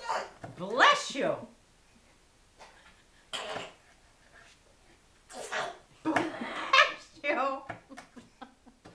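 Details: Infant boy, taught by his grandmother, makes short, breathy fake sneezes while adults answer "bless you" nearby in a small room; imitated sneeze.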